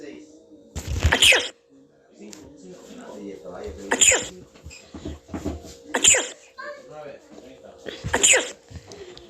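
Four sharp, hissing sneeze-like bursts spaced a few seconds apart over a steady hum, with faint music behind.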